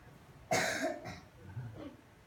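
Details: First-grade child reading a picture book aloud in class, acting out sneezes: one short, explosive cough-like burst with a quieter follow-up in a quiet room; performed, not a real cough.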